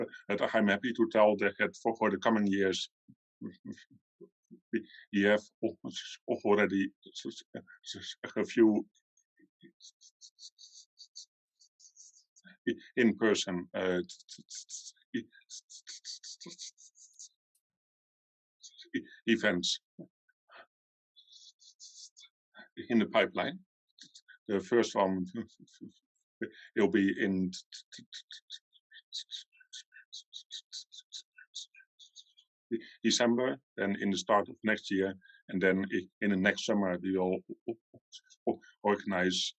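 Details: Adult man from the Netherlands who stutters, at times severely, and still finds his stutter hard to accept; long pauses between words suggesting blocks; stuttering.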